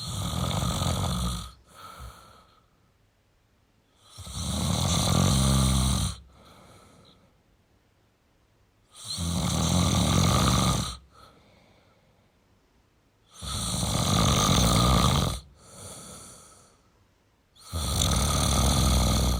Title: Male Snoring Sound toYou don't feel alone